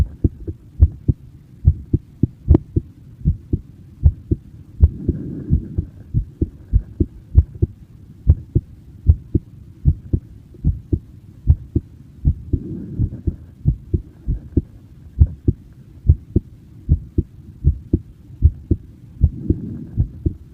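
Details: Recorded in person, a steady, low, thumping heartbeat at about 77 beats per minute, with soft breath-like swells in the background.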